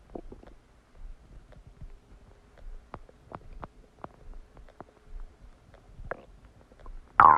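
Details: Stomach after eating a cheeseburger: quiet background with many scattered clicks, pops and soft gurgles, then a louder burst at the end; active, normal post-meal bowel sounds, borborygmi.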